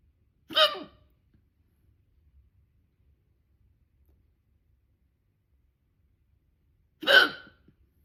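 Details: Two loud, abrupt hiccups about six and a half seconds apart with quiet between them, from a persistent bout of loud hiccups that would not stop despite holding the breath.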